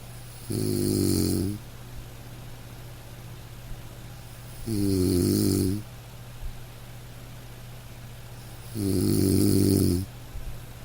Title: Soothing??? Snoring sleep sounds!